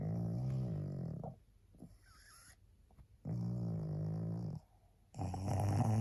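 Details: Two long, rattly, low snores with quiet pauses between them and a third starting at the end; loud snoring from a tired, sleepy female pug, a flat-faced dog.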